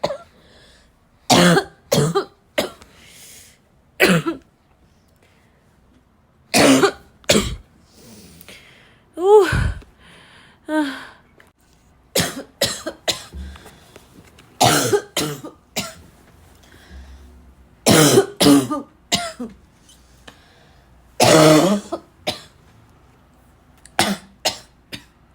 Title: for the barking cough lovers